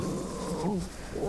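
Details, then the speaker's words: An adult woman's stomach growling audibly during a craft tutorial: low, gurgling, rumbling growl with shifting pitch, borborygmi. "Can you hear my stomach? Oh my gosh. It is just growling at me."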